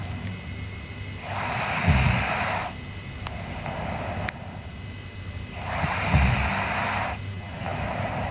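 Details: Sleeping girl snoring: two slow, rough breaths, each a low rattling inhale with a softer exhale, over steady room hum.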